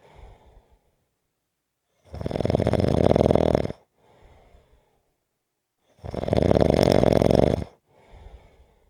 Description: This is a 6 minute clip of snoring.